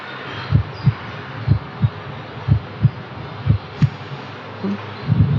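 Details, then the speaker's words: Normal heart sounds in a physical-examination teaching demonstration: regular, clear, rhythmic lub-dub at about 60 beats per minute, heard at the apex with the patient lying horizontal, no murmurs or added sounds. "Тоны сердца ясные, ритмичные."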